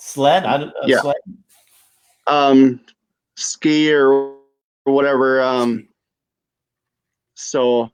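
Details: Adult female stroke survivor with aphasia after stroke.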